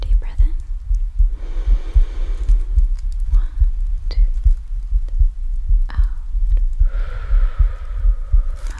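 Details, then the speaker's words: Simulated ASMR examination with a stethoscope placed on the chest: steady, strong, low heartbeat thumps at about 76 a minute with soft whispering and rustling, judged a normal heart rate. "Yeah, I think your heart rate's fine."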